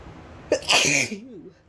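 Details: Induced sneeze, unusually easy to bring on: a single sharp, explosive sneeze with a quick in-breath before it, trailing off into a brief voiced sound.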